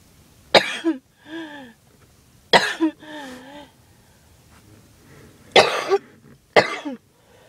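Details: Person who skipped breathing treatments too many times in a row: choking, hacking cough; they had hoped it was just allergies and say their chest hurts.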